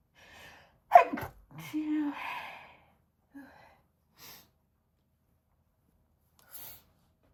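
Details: Woman sneezing into a handkerchief on request for a sneeze video, with possible stomach rumbles: a quick breath in, one sharp sneeze burst with a short voiced tail, then quiet sniffles and breaths.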